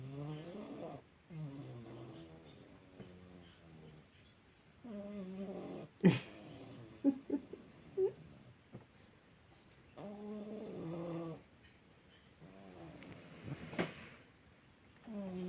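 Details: Cat sleeping soundly and snoring loud enough to fill the house: slow rhythmic snores, each a low raspy tone on the breath, with a few faint clicks and sighs between.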